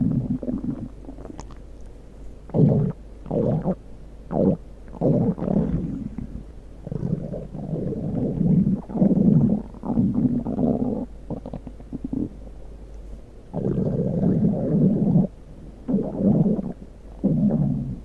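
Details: Stomach growling: repeated low gurgling rumbles in bursts over about 18 seconds, from normal gut movement; borborygmi.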